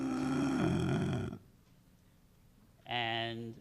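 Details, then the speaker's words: Imitated inspiratory stridor of multiple system atrophy: a harsh, high-pitched crowing inhalation. "People can have noisy inhalations. It's called inspiratory stridor. That's where the inhalations can sound like this."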